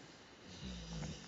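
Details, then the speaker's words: Female dog asleep on a sofa snores in the background while twitching her feet, as if chasing rabbits: ordinary snoring. "don't know if you can hear my dog snoring in the background, twitching on the sofa. She's chasing rabbits."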